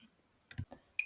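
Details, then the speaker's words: Pediatric training simulation, CADD PCA/NCA pump set up for a 15 kg patient on an NCA morphine infusion (15 mg in 50 mL saline): sharp plastic clicks and a short high beep as "yes" is pressed to start a new patient. "the first screen will ask you do you want to start a new patient using the keypad press yes"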